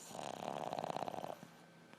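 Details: Loud snoring from a sleeper: one fluttering, rattling snore on a single breath lasting about a second, then quiet.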